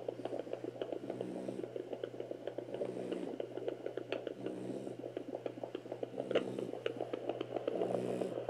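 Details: French Bulldog at day 47 of pregnancy, pocket fetal Doppler: rapid whooshing pulses of a fetal puppy heartbeat, about 220 a minute, over a steady hum.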